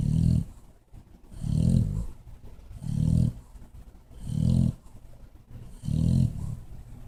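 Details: Pet bulldog snoring loudly while napping behind a chair: low rumbling snores, about five in seven seconds, with quieter breathing between them.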